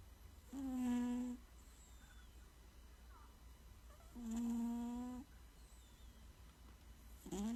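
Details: Soft, tonal, whistling snores from a sleeping cat, about 17 a minute, over faint room noise.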